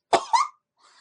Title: Coffeh time sneezing